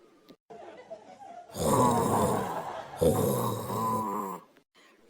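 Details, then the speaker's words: Acted comedy scene: two loud, rough, rattling snores after a brief quiet breath, imitated snoring by two sleepers; snoring. "ಥೂ ಏನಪ್ಪಾ ಇವರಿಬ್ಬರು ಹಿಂಗೆ ಗೊರಕೆ ಹೊಡಿತಾ ಇದ್ದಾರೆ ಈ ಗೊರಕೆ ಸೌಂಡ್ ನನಗೆ ಯಾದ ದೆವ್ವ ಬಂದು ಸೌಂಡ್ ಮಾಡ್ತತಿ ಅಂತ ಒಜ್ಜಿ ಹೇಳ್ತಲ್ಲ ಆ ಕಥೆ ನೆನಪಿಗೆ ಬರ್ತೈತಿ"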